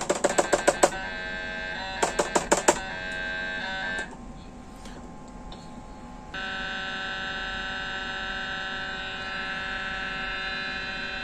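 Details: Loud rapid knocking bursts, then a steady electronic buzz and hum: a 1.5 Tesla MRI scanner running a 3D contrast venography sequence. The patient is positioned head first in a brain coil, with an arterial phase followed by a delayed venous phase for the sinuses.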